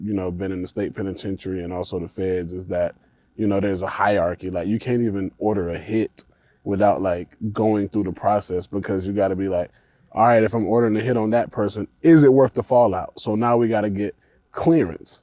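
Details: Adult man speaking; ordinary speech.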